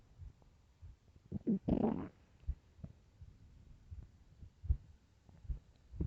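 A brief gurgling rumble with scattered soft low thumps over quiet background; stomach growling on an empty stomach, a normal finding.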